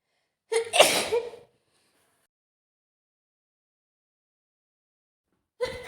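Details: Woman with a mild cold, runny nose, sore throat and sneezing all day: one sharp, explosive sneeze preceded by a short in-breath, then silence and another burst beginning. Sneezing.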